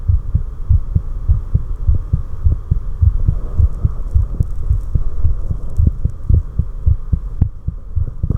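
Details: Adult's own normal resting heart sounds, from a recording that also captured carotid sinus reflex slowing: steady low lub-dub thumps over a soft hum.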